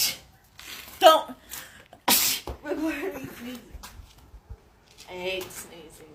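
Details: Adult who is sick, run down and has a high fever: a loud, forceful sneeze with a strained breath before it, mixed with brief talking.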